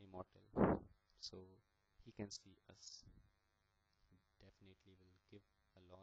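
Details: Stuttering in a young man, a final-year computer science student, who is attending stammering therapy sessions.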